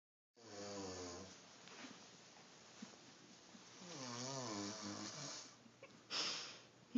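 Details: Woman napping in bed, snoring from the moment her head touched the pillow; loud, buzzing snores with a whistling, tonal edge in a small room.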